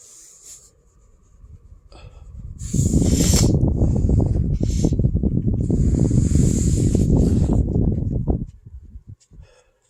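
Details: Long, deep, rumbling six-second belch after a soft breath, following a very heavy meal of a box of pasta with marinara and ricotta, about 15 meatballs, cake and ice cream: normal belching.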